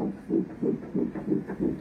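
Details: Fetal heartbeat heard on Doppler during a hospital pregnancy check: rapid, regular whooshing pulses, about 185 beats a minute.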